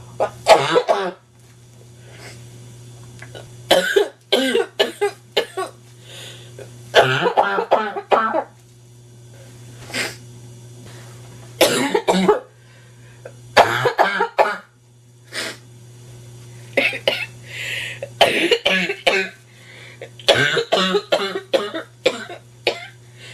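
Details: Repeated harsh, barking coughing fits with short pauses from a sick, stuffy adult woman with a nasty cold; barking cough.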